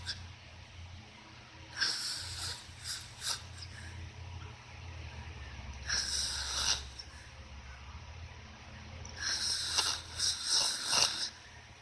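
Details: Three noisy, rasping breath sounds about four seconds apart over a low steady hum, during sleep; snoring.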